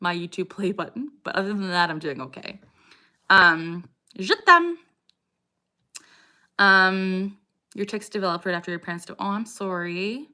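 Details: 27-year-old woman with Tourette syndrome (diagnosed at 12); repeated vocal tic phrase 'I got rice' during livestream speech; vocal tics (Tourette syndrome).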